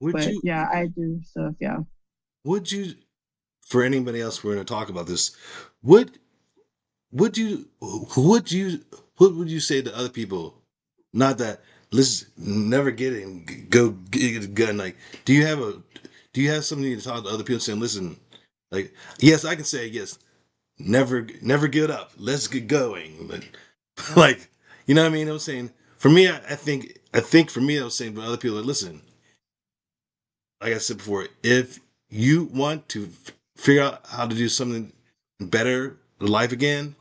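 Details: Adult male with aphasia after a stroke, doing ongoing speech practice as part of stroke recovery.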